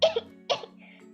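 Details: Two short, sharp coughs from an adult woman, an Indonesian VTuber, during her first livestream, with steady music playing in the background.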